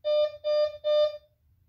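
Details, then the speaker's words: Triumph IP12 infusion pump powering on after the power button is held for two seconds, during basic infusion startup: three clear, evenly spaced electronic startup tones, normal device behavior. "start by pressing the power button for two seconds this will turn the pump"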